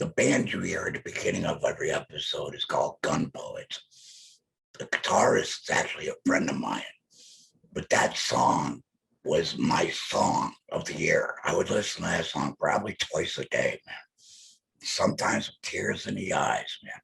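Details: Electrolarynx speech from an adult male laryngectomee, the device held to his neck as his only form of communication.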